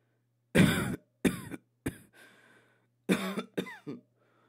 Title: Cough with the Flue Free Soundfx HQ